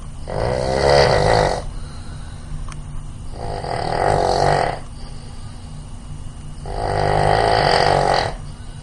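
Three loud, regular rattling snores about 3 seconds apart, roughly 19 breaths a minute, over steady room hum; typical snoring.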